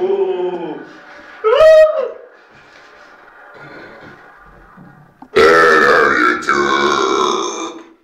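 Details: Loud, drawn-out voiced belches, one short and one long and rumbling, with quiet room noise between; ongoing burping.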